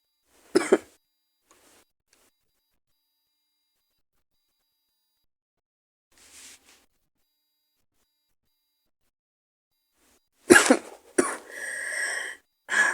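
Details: Sick with a cold, sore throat and headache: a few harsh coughs and throat clearing separated by long silences; raspy cough with hoarse voice.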